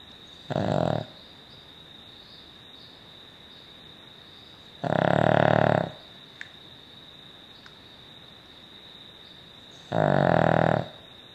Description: Cavalier King Charles Spaniel snoring - is this typical of the breed?